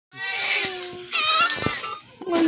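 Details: Infant girl crying during NICU care time: high-pitched, tuneful crying in bursts with short catches of breath, in a small room.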